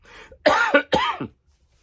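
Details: Adult still recovering from COVID-19 and feeling unwell gives two forceful, harsh coughs after a breath in.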